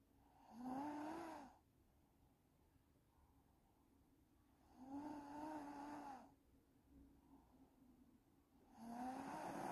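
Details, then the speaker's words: Snoring in a person while asleep; slow, regular snoring about 15 breaths a minute, each in-breath a rough buzzing tone with quiet pauses between. "ты храпишь. ты храпишь. просыпайся."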